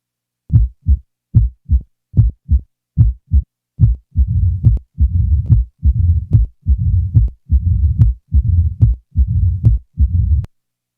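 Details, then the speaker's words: Simulated mitral stenosis heart sounds at about 72 beats a minute: a loud first heart sound, then a low rumbling mid-diastolic murmur that starts after the first few cycles. "the following example will present each feature of mitral stenosis a loud first sound is followed by a mid-diastolic murmur the murmur will be introduced after the first few Cycles"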